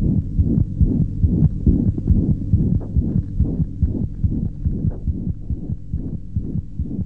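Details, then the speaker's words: Pediatric heart examination on a child: rapid heartbeat, about 140 a minute, with a holosystolic murmur, a continuous whooshing filling the gap between beats. "murmur can be diastolic or systolic can you hear this holosystolic"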